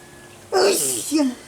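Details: Single sneeze, recorded in Nicaragua (Horsetail and Sneeze): a quick voiced intake followed by a sharp, hissing burst of air.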